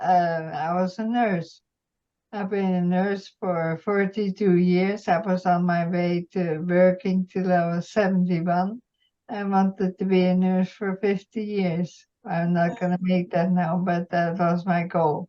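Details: Adult woman with multiple system atrophy, parkinsonian type (MSA-P) now with some cerebellar (MSA-C) features, whose speech began slurring and slowing early in the disease and who can no longer speak fast; dysarthria.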